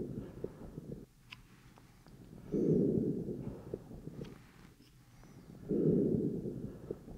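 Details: Lung auscultation with an Eko electronic stethoscope during an OSCE-style exam for GI complaints, patient taking big deep breaths through the mouth: soft rushing breath sounds with no added noises; normal breath sounds.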